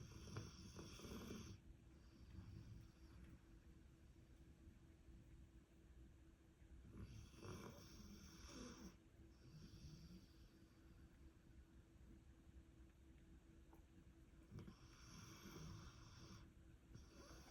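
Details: Sleeping dog, dreaming and not waking when her name is called: quiet, low rumbling breaths with a few louder snorting bursts repeating every several seconds; snoring.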